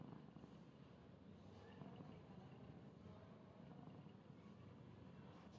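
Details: Sleeping fluffy cat snoring loudly, like a human sleeping next to you: a low, steady rumbling breath noise close to a purr in tone.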